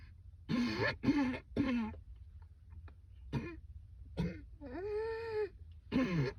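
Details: Woman's persistent coughing fit on a rooftop, keeping her from returning to work: repeated harsh coughs in close bursts with a drawn-out groaning breath between.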